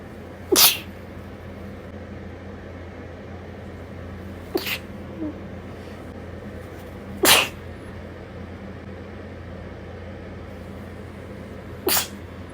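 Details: Late-night sneezing: four sharp, explosive sneezes spaced several seconds apart against a steady low background hum.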